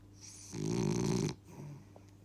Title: French bull dog Baylee snoring